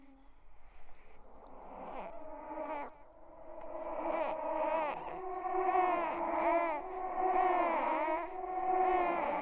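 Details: Horror sound-effect track, not a real baby: rising and falling wails of a crying baby, growing louder; a ghost-baby imitation of an infant cry.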